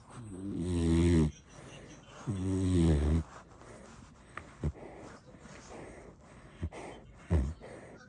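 Two long, deep rattling snores on the in-breath, then softer snuffling breaths with short snorts.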